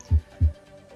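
Two dull low thumps close together, then a longer silence: a single lub-dub cycle of normal first and second heart sounds, with a faint hum behind.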